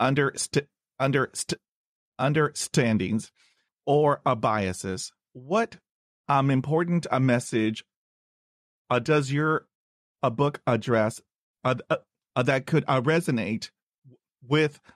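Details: Host of a stuttering podcast, himself a person who stutters, introduces a returning guest and repeats the guest's name; stuttering.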